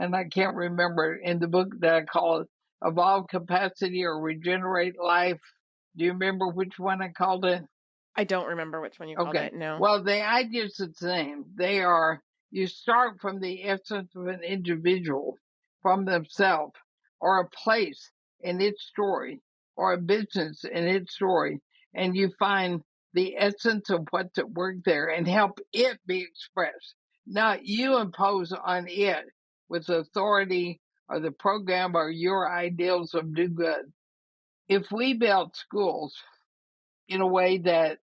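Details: Woman about 80 years old with ALS (Lou Gehrig's disease), who says her speaking trouble is already considerable but she is still intelligible; dysarthria (ALS).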